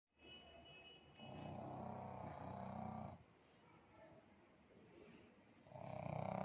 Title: kitni nind me h😴😴😴😴 snoring 🤣🤣🤣🤣🤣